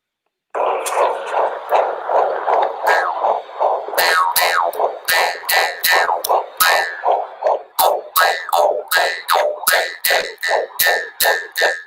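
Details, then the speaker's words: A daughter's fetal heartbeat recorded in the womb: a rapid, steady whooshing at about 158 beats a minute, played under twangy notes of a kubing, a Philippine jaw harp. "and you're gonna hear the heartbeat of my daughter uh when she was in the womb so i wanted to bless that with y'all"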